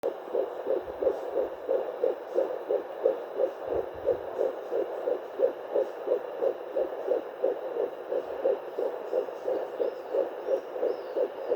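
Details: Rapid, regular whooshing pulses of a fetal heartbeat at 11+3 weeks of pregnancy on a pocket fetal Doppler, about 170–180 a minute, a normal early-pregnancy rate.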